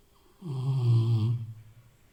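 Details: Sleeping Rottweiler snoring like an old man: a single deep, low, vibrating snore on one drawn-in breath, in a quiet room.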